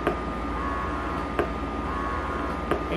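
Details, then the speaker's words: YOBOO double electric breast pump switched from massage to suction mode: a low motor hum with a click about every 1.3 seconds, roughly 45 suction cycles a minute. "Ayan iba na yung sounds niya iba na din yung kulay niya dito tapos ganito na itsura niya Ayan gumagalaw yung membrane ayan ayan nagpa-pump or nags na siya non"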